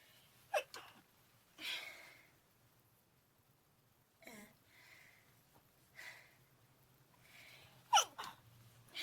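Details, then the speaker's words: Stifled sneezing from a person who says they are not sick, attributing it to dust: several short, muffled, held-back sneezes with quick intakes of breath in a quiet room. "I'm not sick. I'm not. It's just, there's lots of dust in this"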